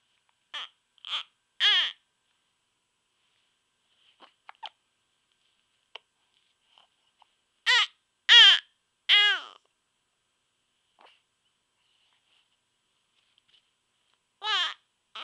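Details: Short, high-pitched infant vocal bursts in small clusters with quiet gaps; infant hiccups with mild fussing.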